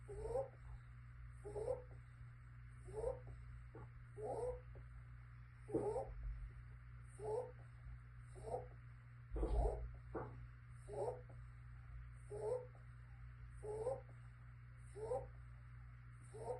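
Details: Emaciated six-month-old stray kitten, 2.68 lb, with pneumonia, pancreatitis and chest fluid, FIP suspected: harsh, rattly breaths about 43 per minute, a wheezy crackle with each breath.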